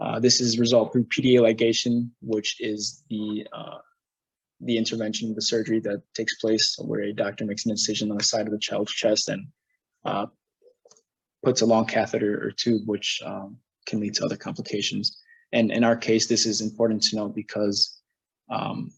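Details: Adult male presenter; normal speech.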